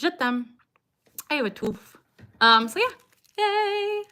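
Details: Vocal tics from Tourette syndrome in a young woman; she says stress is her biggest trigger and her tics lessen when she is with her dog.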